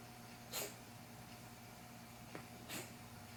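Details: A cat suddenly coughs several times in the living room, heard as two short, faint, harsh bursts over room hum; the owner wonders whether it is asthma or a hairball, and the cat has not been seen by a vet.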